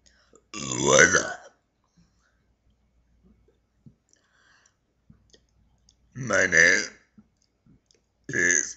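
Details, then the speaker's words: Deliberate burping by someone who can burp sentences: three long, voiced belches, the first two about a second each, separated by quiet pauses. "um yeah that's me burping I can burp sentences if you want want me to like see I can burn people think it's gross but I actually have friends that actually think it's awesome"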